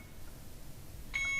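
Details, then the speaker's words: Alaris IV infusion pump occlusion alarm: quiet room, then a sharp high electronic beep after the pump stops flowing, checks the line and displays "occluded patient side"; IV site in the hand; instructional demonstration. "okay here's your alarm it's the red if you read the screen it says occluded patient side okay so we have to look now at our IV site"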